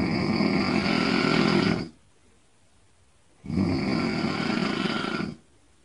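Two long, loud, rough rattling snores, each about two seconds, separated by a quiet pause; ordinary snoring.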